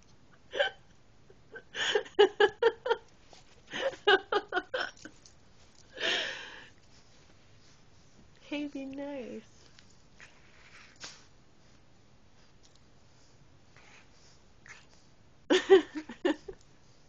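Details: Rottweiler puppy with hiccups: repeated short, sharp hiccup sounds in small clusters with quiet gaps between them.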